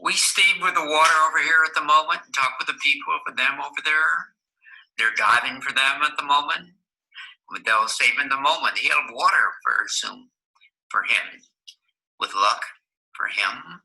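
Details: Adult man with Wernicke's aphasia, a comprehension-affecting aphasia in which he is unaware his speech does not make sense, talking with a speech-language pathologist; Wernicke's aphasia.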